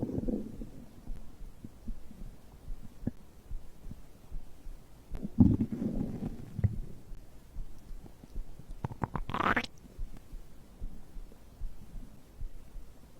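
Low gurgling and rumbling with bubbly bursts from the belly: ordinary digestive bowel sounds after a drink.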